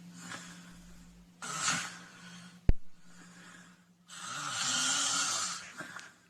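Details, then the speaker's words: Loud snoring presented as a dangerous sound in a discussion of snoring, choking and sleep apnea, urging medical review. "ده الصوت المخيف. ارجوكم السيده اللي زوجها جنبها بينام بالليل بهذا الصوت، او الزوج اللي زوجته بتنام بهذا الصوت، هذا الصوت خطير."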